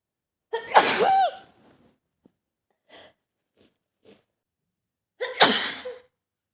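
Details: Adult woman with a serious autumn cold and stuffed nose: two forceful sneezes, each with a sharp in-breath before the burst, separated by quiet sniffles; her cold also brings loud nose blowing and some coughing.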